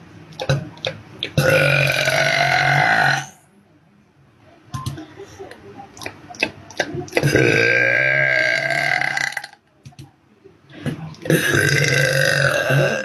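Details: Three long, loud, rumbling burps from a young woman, each lasting about two seconds with short pauses between; belching.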